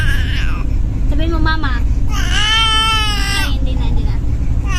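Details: Baby play-acting crying on request: short wailing infant cries over a loud steady rumble like a car engine, not real distress.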